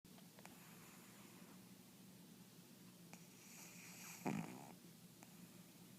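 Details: Sleeping pug with a steady low rumbling snore and a brief snort, in a quiet room; loud snoring.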